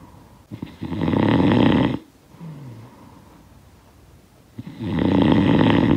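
Loud, rough snores on breathing in, with a quieter breath out between them. Ordinary snoring.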